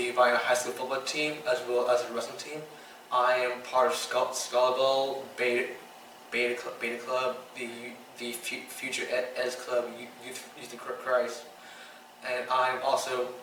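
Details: 15-year-old boy with Tourette syndrome diagnosed around age 8–9; his tics include stuttering when talking, coughing and mouth noises; speech tics with word repetitions and prolonged sounds.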